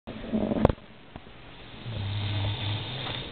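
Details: Sleeping man snoring very loudly: after a brief knock and rustle, a low rattling buzz rises with an indrawn breath and holds about a second; snoring.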